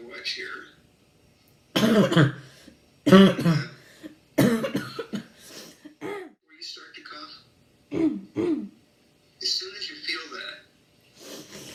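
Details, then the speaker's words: Child with chronic habit cough attempting Dr. Weinberger's suggested suppression therapy: repeated harsh, honking coughs in clusters with pauses between. "hi i'm abby and here goes me trying to cure my habit cough with just dr weinberger's suggested therapy"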